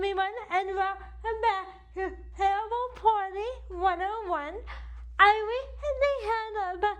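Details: Adult woman with cerebral palsy affecting the right side of her body, with weak right arm, uses a wheelchair, and states CP affects her speech; dysarthria (cerebral palsy).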